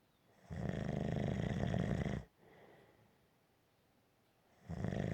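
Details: Gentle snoring: long, steady, rumbling snores on the in-breath, with quiet gaps for the out-breath.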